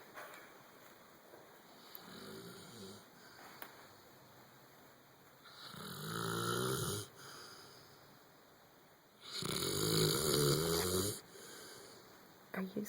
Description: After a long day Thor lays on his couch snoring.